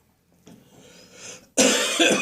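Quiet indrawn breath followed by one loud, harsh, barking cough burst in an adult with a cold.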